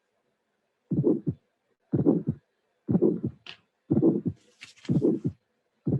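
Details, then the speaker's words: Regular heartbeat near 61 a minute: first sound, crisp ejection click, early-peaking ejection murmur and audible second sound; non-severe, non-calcified bicuspid aortic stenosis. "first sound and click first sound and click injection murmur you can appreciate that the maximum dejection murmur is very early in history so it means that the stenosis is not severe"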